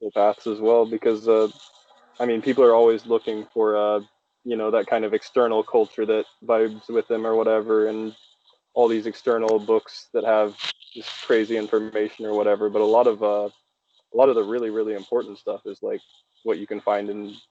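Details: Adult male speaker; ordinary speech.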